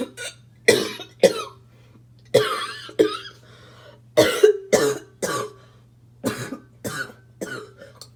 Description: This barking cough is super annoying. I wish I could smoke in peace, but this cough comes to choke me.